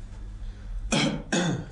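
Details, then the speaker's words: Adult asked to cough during pulmonary auscultation: two short, forceful voluntary coughs, with quiet room noise before them. "Je vais vous ausculter maintenant. Vous allez tousser, s'il vous"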